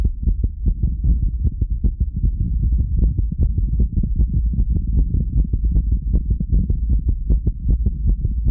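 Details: Steady heartbeat at rest heard as dull, low thumps with a soft hum; the person feels it seems oddly fast for rest; heart sounds at rest.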